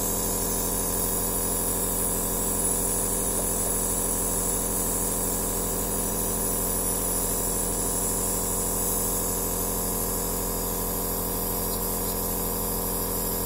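Steady, even mechanical hum and buzz with a fine rapid pulsing, a nebulizer machine running.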